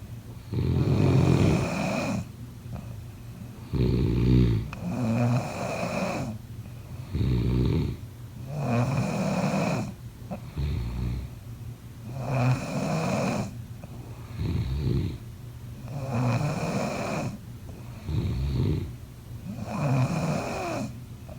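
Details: Snoring during sleep: loud, low rattling on each breath, about 18 breaths a minute.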